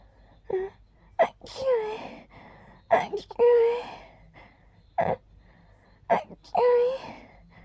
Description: I tried making my sneezes very gentle and girly. Hope you like it ;)